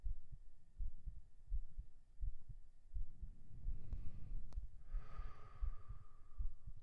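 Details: Steady low thumping heartbeat at about 85 a minute, recorded binaurally right after 37 push-ups, with one audible breath midway; normal heartbeat after exercise.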